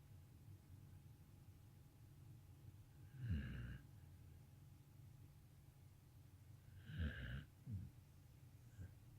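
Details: Sleeping dog snoring: a few low, rattling snorts on the breath at a slow sleeping pace.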